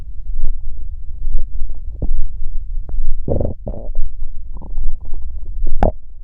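Low rumbling and gurgling with bubbly squeaks and pops from the belly. Ordinary stomach growling from gas and fluid moving through the gut.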